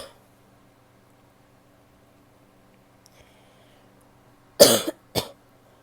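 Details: A female gives two sharp, explosive coughs in quick succession after a quiet stretch: a plain adult cough.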